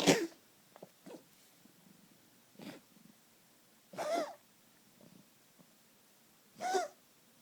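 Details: Male cat coughing a couple of times a day, otherwise normal behaviour, eating and playing; several sharp, harsh, hacking bursts with quieter catches between; cause unknown to owner.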